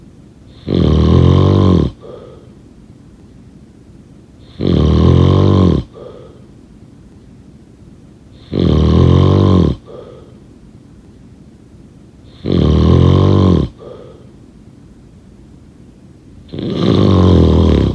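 Loud, rough, low rattling snores recur steadily about every four seconds, roughly 15 a minute, with quiet breathing between: heavy snoring.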